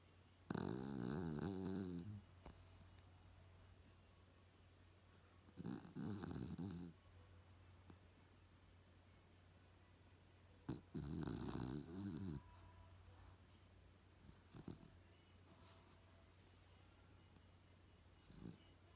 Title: Bob snoring dog